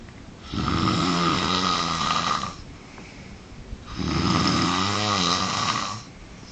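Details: Extreme snoring from a sleeper, loud snoring sounds.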